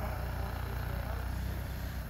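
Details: Percussion massage gun on the pectoral tissue during myofascial release for thoracic outlet syndrome, with the patient doing long slow exhalations: steady low buzzing drone with rapid pulsing against soft tissue.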